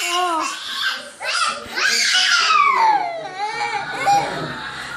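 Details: High-pitched wailing cry with rising and falling sobs from a baby, an adult voice faintly alongside asking why the baby is crying.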